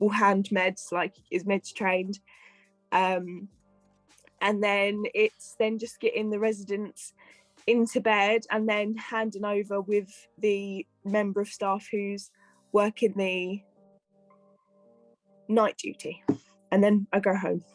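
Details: Adult female care and support worker with a stammer, previously treated at the Michael Palin Centre: stammering.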